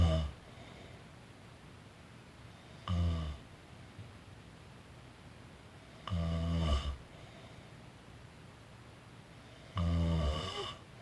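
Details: Person snoring during a daytime nap: three deep, rattling snores on in-breaths, several seconds apart, in a quiet room; ordinary snoring.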